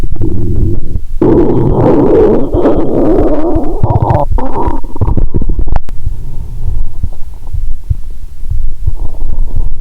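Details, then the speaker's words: Stethoscope on the abdomen of a person lying down after drinking 1.5 L cola with swallowed Mentos: loud, continuous low gurgling and rumbling with bubbling bursts, a loud moan about every 2–3 seconds; active bowel sounds. "About once every 2.30 seconds, you will hear a loud moan👂. My stomach is telling me, "Give me good food, not liquids!"🤔😂."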